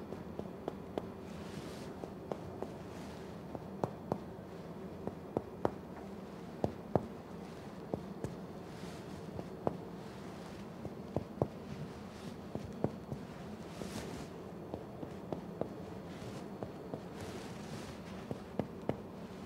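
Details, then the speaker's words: Chest percussion, tapping on the patient's back during a complete head-to-toe physical exam by a physician assistant, arms crossed in front: soft, irregular dull taps. "okay now i'm going to tap on your back a little"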